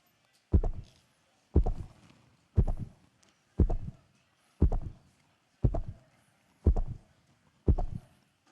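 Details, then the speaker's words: Human heartbeat with steady, regular low thumps at about 59 beats a minute; normal heartbeat. "That sound you just heard is the sound of a human heartbeat."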